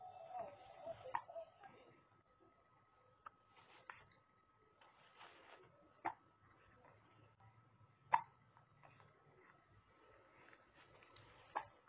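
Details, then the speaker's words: About five short, sharp hiccups a few seconds apart in a quiet room, from a baby too young to drink water; the hiccups stop once she is breastfed. "If your baby is having hiccups that won't stop, what you do is you have to breastfeed your child. And once the child breastfeeds, there will be no more hiccups."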